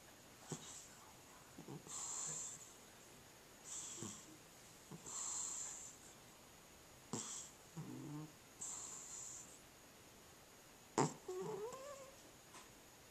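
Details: Soft, irregular, squeaky snoring breaths with uneven gaps between them from a sleeping cat with sleep apnea; snoring with breathing pauses.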